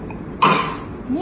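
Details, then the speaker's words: Single short, sharp cough or throat clear from an adult in a quiet room during a 22-week-3-day pregnancy ultrasound (4D/doppler) examination; cough. "öskürdün sən?"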